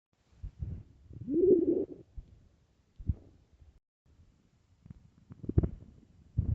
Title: starving stomach growling and rumbling part 2